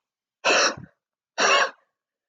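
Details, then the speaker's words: Demonstration of huff coughing to loosen and clear secretions: a deep breath in through the mouth, then two long, open-throated forced exhalations rather than short, choppy coughs. "Huff coughing is a way for you to be able to loosen secretions and be able to get them out effectively so first you're going to take in a nice deep breath for your mouth and then you're almost gonna huff cough out twice"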